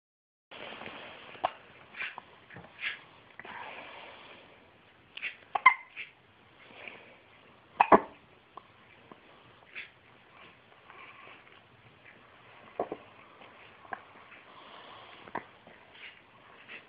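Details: Sharp, brief gulping catches at about 27 a minute against faint room noise, typical of hiccups.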